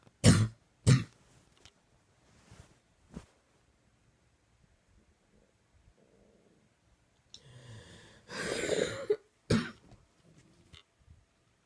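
Two harsh coughs, faint throat noises, then a long rough hacking cough and several more coughs in a quiet room; a prolonged night-time coughing fit.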